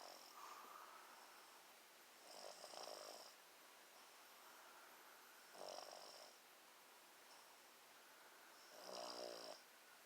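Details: Someone sleeping and snoring at 1:30 in the afternoon: three rough, fluttering snores on breathing in, about every three seconds (roughly 18 breaths a minute), over quiet room noise.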